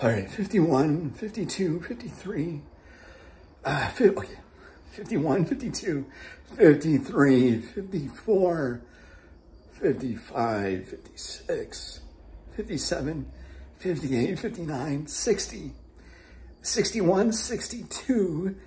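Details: Adult man with abductor spasmodic dysphonia and muscle tension dysphonia, which he relates to a sinus problem with post-nasal drip, using a towel to help control breathing; abductor spasmodic dysphonia with muscle tension dysphonia.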